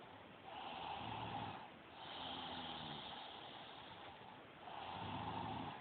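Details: Cami snoring while asleep: slow rasping breaths in and out, about one cycle every two seconds, with a throaty rattle; ordinary snoring.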